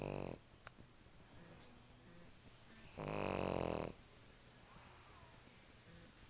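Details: Loud, rattling snore bursts with quiet breathing between them from a sleeping, tired pug; snoring.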